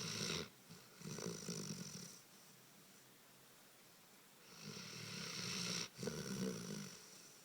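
Noisy, fluttering breaths in and out with a quiet pause between, consistent with a sleeping dog snoring.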